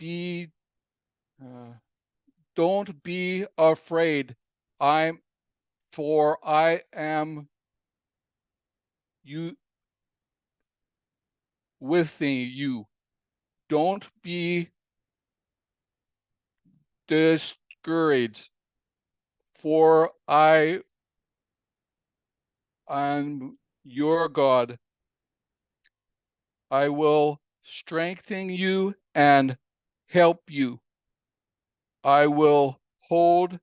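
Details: Aphasia in an adult woman after a fall with head injury in April 2020 and a later stroke; she can read but cannot speak well; word-finding problems and garbled words; aphasia.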